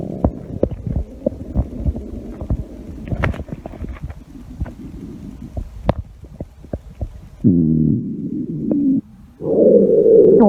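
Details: Low gurgling rumbles with irregular pops and squelches, ending in longer growls, from a woman's stomach while wearing a bikini: normal stomach growling.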